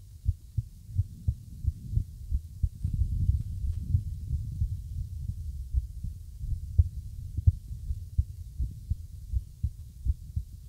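Low thudding heartbeat with uneven spacing between beats, some coming early and others after pauses, an irregular rhythm.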